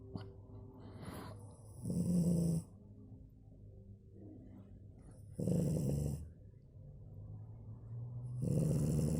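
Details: Sleeping French bulldog: loud, rattling snores with each breath, about 19 a minute. Dog snoring.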